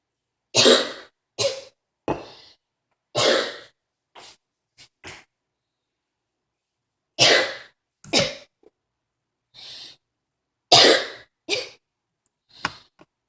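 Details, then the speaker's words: Repeated harsh coughs in clusters with brief pauses and quick breaths between, the person feeling faint and panicking: a prolonged coughing fit. "feel like I'm gonna faint after that. I need to stop coughing right now. I feel like I'm gonna faint."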